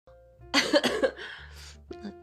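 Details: Girl coughing while speaking, with a lingering throat cold that has improved since the weekend: a short burst of two or three harsh coughs over soft background music.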